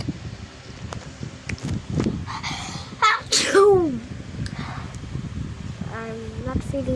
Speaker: Today I'm actually sneezing right now. So yeah, you can hear me sneeze.